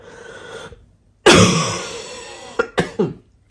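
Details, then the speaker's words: Adult woman, ill for several days and seen by a doctor, coughing with an affected voice during a home vlog; cough. "Comme vous l'entendez avec ma voix, c'est un peu compliqué pour moi de refaire des vidéos face cam pour l'instant."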